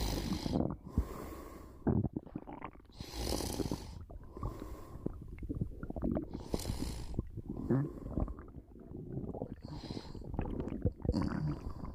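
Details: A short nap: gurgling stomach rumbles mixed with noisy sleep breathing and light snoring; ordinary bowel sounds during sleep.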